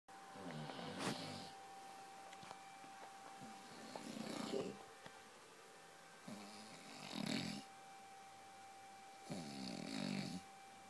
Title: My husband snoring like a truck